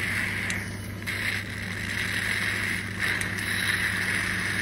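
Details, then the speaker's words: Yuwell 7E-A portable phlegm suction machine, switched on and tested by suctioning water through a cannula: constant motor hum with a rushing, gurgling hiss as water fills the canister; suction machine running. "Now we are switching on the device. You can see the head start suctioning. You can adjust the flow and see canister has started water filling."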